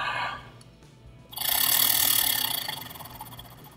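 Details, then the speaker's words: Person with cystic fibrosis doing airway clearance: after a deep held breath, a steady exhalation through a handheld oscillating PEP device with cheeks kept in gives a rapid fluttering buzz, about 3–4 pulses a second. "so the idea is you breathe in take a big deep breath and you hold it and then you blow out steadily and when you do that you're blowing into this device and it's it's sending vibration back down in your lungs and shaking all the stuff up"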